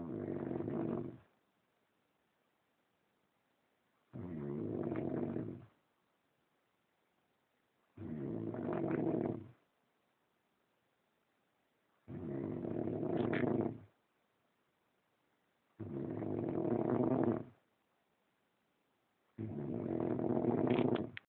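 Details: Regular, deep, buzzing snores with quiet pauses between them, six in about 21 seconds, roughly 17 breaths a minute; steady snoring.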